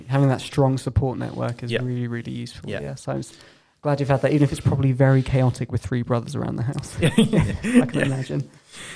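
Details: Adult male speaker; normal speech.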